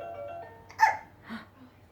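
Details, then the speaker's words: Baby boy with hiccups, not helped by two doses of gripe water, while being bounced: two brief, sharp hiccup sounds with faint background music. "pick up pick up to doze of the gripe water didn't work on it didn't work"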